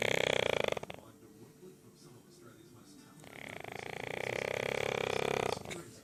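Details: 9-month-old Aussie Bulldog napping after a big walk, with loud, rattling, vibrating snores on in-breaths, separated by quieter pauses; snoring.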